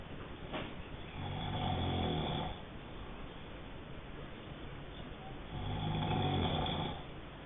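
Two long, rough, rattling snores on the breath in, separated by a quieter pause, over steady background hiss.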